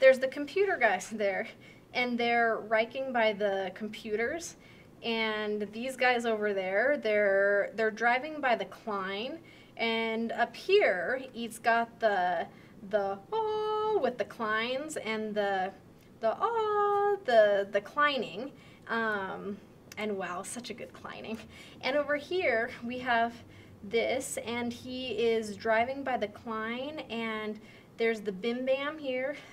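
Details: Moderate Wernicke's (fluent) aphasia during picture description: normal rate, rhythm and sentence structure but meaningless content mixing real words, made-up words, sound errors and unrelated words.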